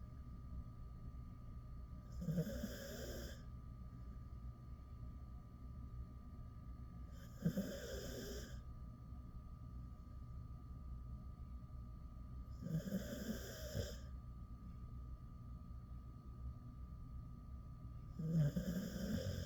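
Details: Ten-year-old male Jindo dog sleeping with his head on a door sill: soft, regular snores about one every five seconds, roughly 12 a minute, over a steady room hum; snoring.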